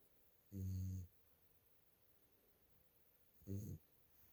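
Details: Sleeping dog snoring: two soft, low, humming snores about three seconds apart in a quiet room.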